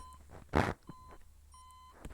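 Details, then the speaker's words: Comedic roleplay skit of a workday in a hospital. A pulse-measuring device gives a few short, clear electronic beeps with a thump between them while the pulse is remarked to be normal. Pulse monitor beeping. "Господи, чого в тебе такий пульс нормальний? А що, блін, забігатися? Господи, так. Та хватить пікати."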